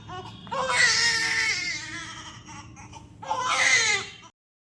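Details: Two long, strong, high-pitched wailing cries with a breath between them from a newborn admitted to the NICU with a breathing problem; newborn crying.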